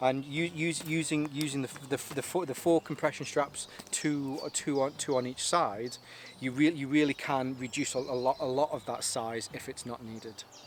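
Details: Stuttering in an adult man whose stammer is linked to his anxiety; he takes propranolol, which he says has helped, and the stammer is lingering but improving, easier when talking on camera.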